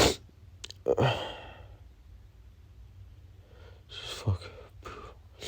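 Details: An adult male with pollen allergy who reports congestion, burning and pain gives sharp, desperate allergic sneeze bursts with snorting, sniffing and heavy breaths between them.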